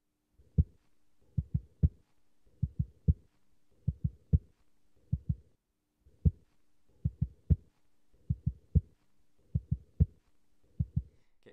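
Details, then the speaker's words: Simulated fourth heart sound (S4) gallop, a pathological sound, made by a medical student tapping a hand under a stethoscope: repeating three-tap groups with a doubled first tap, then a normal second sound. "the fourth heart sound is always something pathological and for this hard sound we literally just take the stethoscope again and in this case we make now tap tap tap so the first tab is twice and then the second one is normal again"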